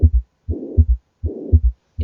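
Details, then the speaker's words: Functional mitral regurgitation on auscultation: a soft holosystolic blowing murmur through all of systole with an S3 producing a gallop rhythm, about 80 beats a minute. "un ritmo de galope en el contexto de este S3"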